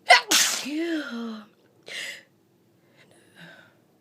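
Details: One loud explosive sneeze with a quick breath in before it, followed by softer sniffs, after the person says their nose tickles; single sneeze amid nose blowing.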